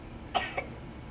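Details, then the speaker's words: Two short, sharp cough bursts about a quarter second apart against faint room noise, a recorded cough played at a museum health exhibit, not a real patient: cough. "Remember, when you cough, you wanna make sure you cover your mouth, go into your sleeve. Let's make a cough. And when you're sick, you actually want to cough that phlegm up and get it out of your system."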